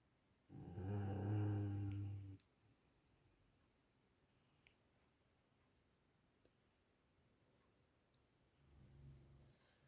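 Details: Sleeping dog: one loud, low, rumbling snore, then quiet room noise and the start of a softer second snore.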